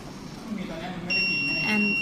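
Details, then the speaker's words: Student-built syringe pump project: after dispensing water into a blocked line, a steady high-pitched buzzer tone switches on and holds as the pump detects a pressure change; high-pressure alarm. "yes it detects some pressure change the LED turns on and the buzzer"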